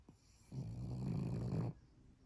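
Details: Pug dog sleeping: a single low, rumbling snore lasting about a second, with quiet breathing before and after. Snoring.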